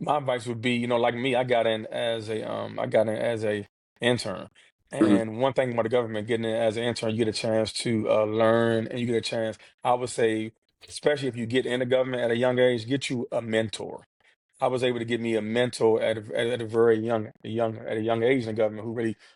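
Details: Adult man who has stuttered since childhood, in a real interview; stuttering.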